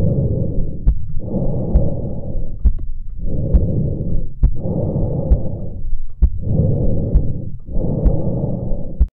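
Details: Breath sounds through a Bluetooth wireless precordial stethoscope: steady, regular breathing at about 20 breaths per minute, with faint heart thumps underneath.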